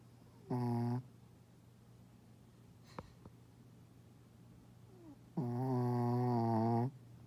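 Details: Two loud, low, buzzing honk-like snores separated by a quiet pause, one brief and one drawn out, from a deeply sleeping male who sleeps under the coffee table or on the bed and whose snoring can wake the owner.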